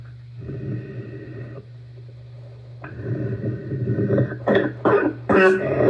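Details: Adult with asthma and bronchitis: about three deep, harsh, barking coughs after a quiet stretch with steady room hum.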